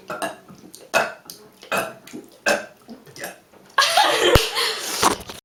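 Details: Girls' burp contest, deliberate belching: a run of loud, rough, voiced belches, then one long, drawn-out burp.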